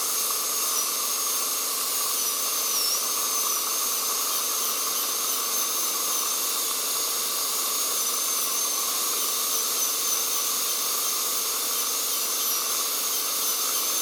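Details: Dental drill with aspirator: steady high-pitched whine of the drill over the continuous hiss of suction.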